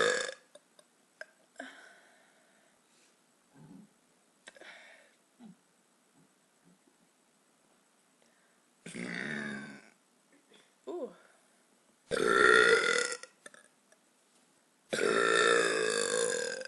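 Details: Repeated loud, drawn-out belches with smaller ones and quiet gaps between, from a woman on a couch after eating pizza; burping.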